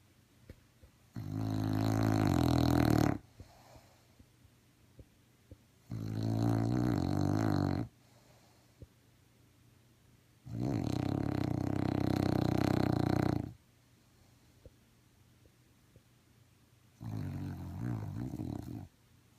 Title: Lucy Happy Dog Snores